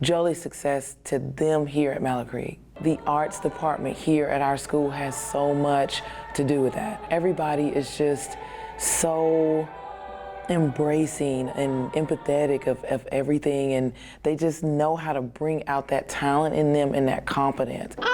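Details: Adult woman speaking; normal fluent speech.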